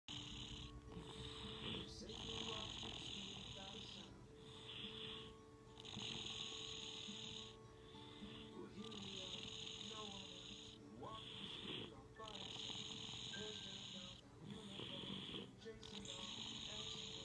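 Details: A child who has not yet had a tonsillectomy snores with loud, rattling breaths roughly every two seconds over a steady background hum. H attributes the snoring to enlarged tonsils.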